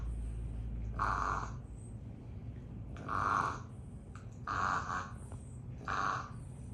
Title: Loki the baby Rambo frenchy snores